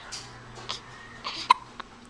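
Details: Short breathy sounds followed by a sharp hiccup and a smaller one, against faint background noise; hiccups.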